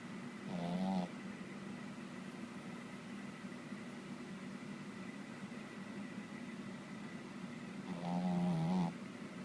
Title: Molly snoring